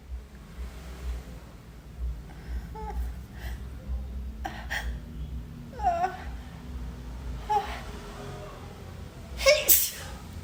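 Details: Induced sneeze after a tickle: sharp breathy inhalations and short vocal bursts, ending in one loud forceful sneeze in a quiet room with low background hum.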